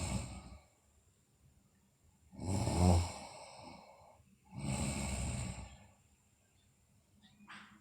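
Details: Sleeping girl snoring: two long, rough, low breaths about two seconds apart, each with a quieter tail, in a quiet room; snoring during sleep.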